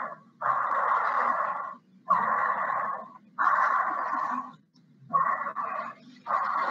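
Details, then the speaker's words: High-pitched wheeze, the chest whistle of an asthmatic, from air forced through very narrow airways; wheeze (inspiratory and expiratory). "Mas ele é um som agudo porque ele está passando, é como se ele estivesse passando por um capilar. Ele está passando por um alvéolo bem pequenininho."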